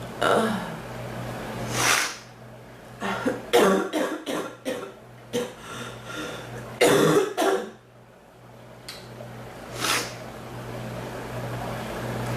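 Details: Adult with an ongoing cough that hurts the chest and back, more the back, and comes and goes; repeated harsh coughs in short bursts, about a dozen, with throat clearing between.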